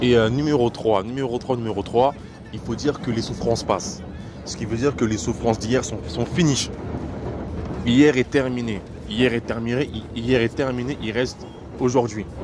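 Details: Stuttering in a French-speaking man who describes it as a terrible stutter and attributes it to witchcraft.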